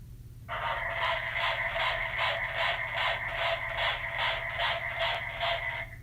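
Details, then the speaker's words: A baby's heartbeat picked up by Doppler: rapid, regular whooshing pulses at about 150 a minute. "did you hear it that's a baby's heartbeat I bet you didn't know some of you didn't know that's what your heart sounded like when you were a baby it's just shhh it's kind of cool"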